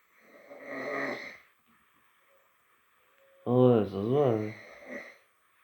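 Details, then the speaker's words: Adult snoring at 2:45 a.m. while having a cold: two loud snores, a harsh rattling one, then a louder, pitched, wavering snore, with a quiet pause between. "se voit que j'ai un rhume, hein. En tant que je ronfle. 2h45. Putain, je ronfle fort."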